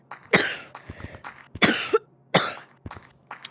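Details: Coughing fit: three harsh, forceful coughs in quick succession with smaller breathy bursts between, over a low steady electrical hum.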